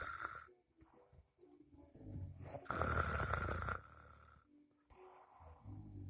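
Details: Loud rattling snores on inhalation separated by quieter pauses, from a sleeper recorded by a friend; ordinary sleep snoring.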